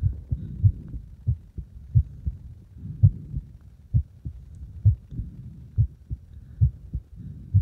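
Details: A heartbeat while the person deliberately made the heart speed up and slow down: muffled low thumps, roughly 65 a minute, with a slightly uneven rhythm.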